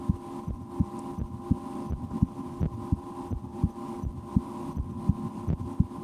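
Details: Own heartbeat heard through a stethoscope in a relaxation recording, breath held a couple of times while trying to speed the heart: regular soft lub-dub about 85 a minute over a low steady hum; normal heart sounds.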